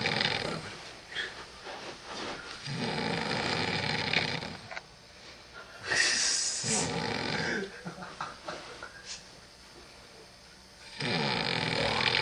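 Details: Man snoring while asleep during a lock-in: long, loud, rough fluttering snores on each breath, about four breaths in twelve seconds, with quieter pauses between.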